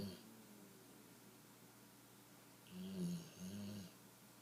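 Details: Puppy snoring while asleep after a long day.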